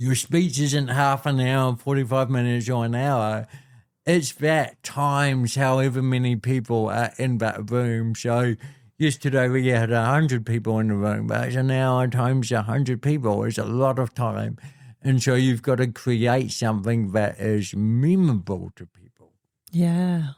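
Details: Adult man born with cerebral palsy affecting how messages travel around his body; told walking and talking would be his biggest challenges: dysarthria (cerebral palsy).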